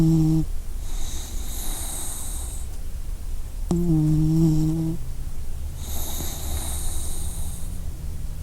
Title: Enjoy company with snoring puppy! | by WellBeBee 🌀